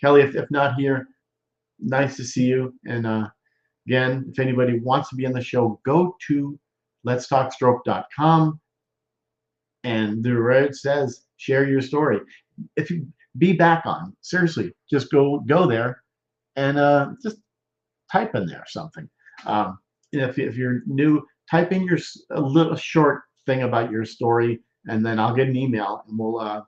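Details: Male stroke survivor more than 13 years post-stroke with Broca's expressive, non-fluent aphasia, involving word-finding difficulty, trouble with function words and word substitutions, speaking English; Broca's (expressive) aphasia.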